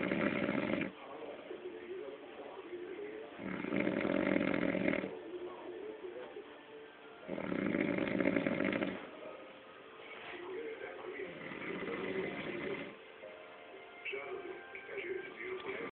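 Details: Man snoring: slow, rough, rasping snores recurring every few seconds, with music and faint voices in the background; snoring.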